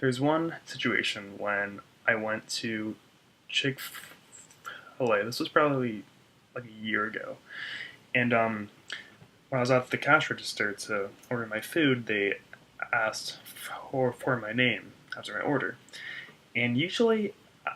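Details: Stuttering in an adult man, a speech-language pathologist, who reports blocks on his name with secondary movements such as eye tensing and head movement.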